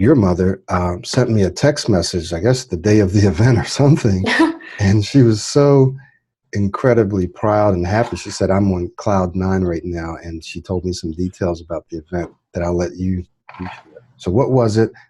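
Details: Adult man speaking; normal fluent speech.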